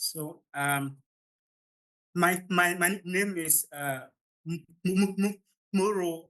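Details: Adult man from Ghana who stammers, speaking at the start of a public talk, where he says his stammer is usually hardest before improving once he gains momentum; stuttering.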